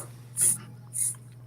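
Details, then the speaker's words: Female dog having an asthma-like attack with honking respiratory distress after getting too excited: two loud, harsh honking breaths about half a second apart over a steady low hum. "Shadow's having an asthma attack. She got too excited. Oh. When she gets too hyped up."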